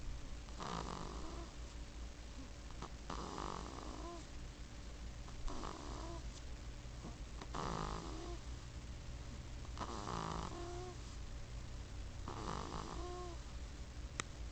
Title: Baby Snores 2